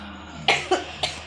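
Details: Young child who just woke up, is coughing and is about to take medicine gives three short, sharp coughs in a quiet indoor room.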